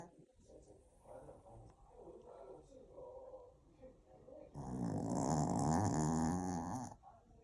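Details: Sleeping puppy snoring: soft snuffling breaths, then a loud rattling snore lasting a few seconds.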